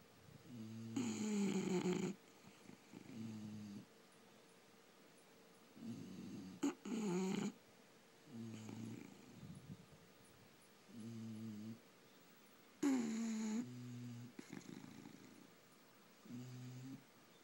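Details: Snoring bulldogs asleep: repeated snorting snores with rattly, grunting breaths, some louder and more strained, at uneven intervals.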